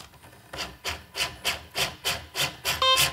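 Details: corpuls cpr mechanical CPR device started during an operating demonstration: regular rhythmic whooshing compression strokes at about 100 a minute, followed by a beep.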